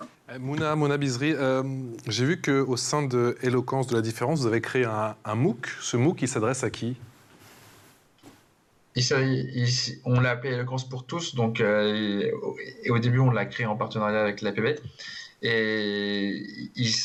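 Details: Stuttering in an adult who stutters and presides over a stuttering eloquence competition.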